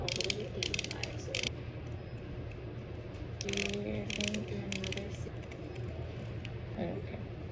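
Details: Rapid ratcheting clicks of a dial turned on an insulin pump, with room noise and faint voices, during first-time Omnipod 5 setup by someone switching from multiple daily insulin pen injections.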